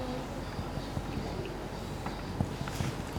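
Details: During an abdominal examination using finger percussion at 13 points, a series of soft, hollow finger taps gives a resonant percussion note, described as normal over aerated lung.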